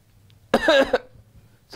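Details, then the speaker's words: Imitated cough demonstrated by a homeopath: a voiced cough in two close bursts, then a pause before another begins, illustrating cough in two paroxysms. "coughing two product systems and that we have in pulsatila and Mark salt cough in two peroxisms pulsatila and marked salt"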